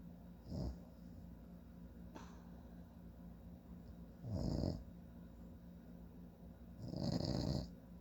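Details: Low rattling breaths recurring every few seconds against steady room hum; an adult man (a father) snoring during sleep.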